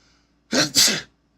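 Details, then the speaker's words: A sneeze from an adult podcaster during a live show. "o excuse me that's how you know I'm a real person this in AI you ever seen a podcaster sneeze during the show nope"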